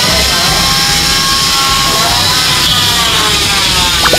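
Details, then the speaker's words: Hospital forensic autopsy: loud continuous buzzing whine of an oscillating bone saw opening the skull to remove the brain; autopsy bone saw. "อออกห่างเดี๋ยวเขาจะเลื่อยสมองอ๋อดียจะเลื่อยมันจะกระเด็นอ่ะ"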